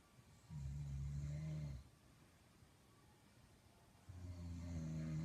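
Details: Adult man (the uploader's dad) snoring: loud, low, rumbling snores on each in-breath with quiet pauses between, about 16 breaths a minute; louder in person than on the recording.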